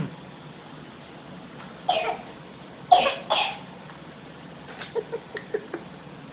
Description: is the master of fake coughing. lol